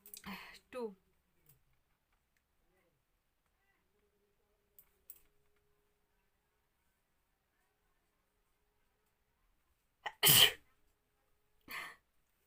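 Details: Woman doing a sneezing challenge, sneeze provoked with a folded piece of paper: quiet room with brief breathy sounds, then one sharp, explosive sneeze with a smaller follow-up burst.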